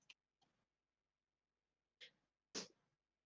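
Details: Adult woman sneezing during a tabletop game session: a few quiet, sharp, hissing bursts in a quiet room, the last the loudest; repeated sneezes.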